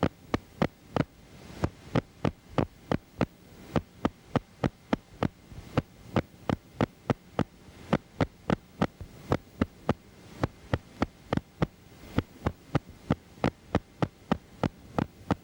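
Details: Needle EMG teaching example: repeated short crackling bursts at a steady beat, like marching footsteps; myokymic discharges, essential in myokymia-cramp syndrome, seen in Isaacs syndrome, demyelinating neuropathy, radiation plexopathy and timber rattlesnake envenomation.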